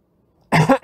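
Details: A single short, voiced cough from an adult after a brief quiet moment.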